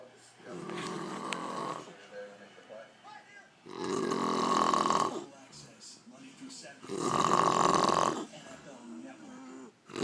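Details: Adult woman (aunt) snoring after a day of drinking: loud, harsh rattling snores recurring about every three seconds with quieter breathing between; snoring.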